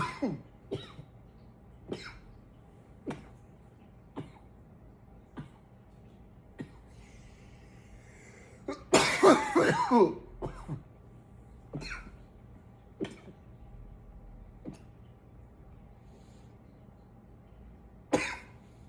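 Scattered single dry coughs in a quiet room, with one longer cluster of coughing midway and a throat clear near the end.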